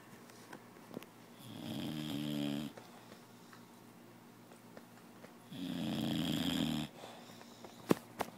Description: Puppy fell alseep in a very strange position... Notice he snores LOUDER when awake!